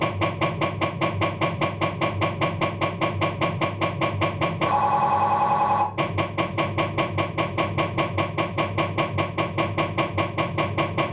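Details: Loud rapid knocking about 150 pulses a minute broken by a steady buzzing tone from a Philips 1.5T MRI scanner during an abdominal scan, diffusion sequence; MRI scanner noise.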